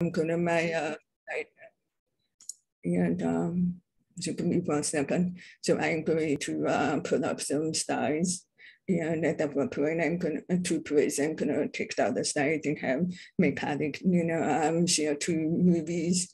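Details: Adult deaf woman describing her own deaf accent; deaf speech (deaf accent).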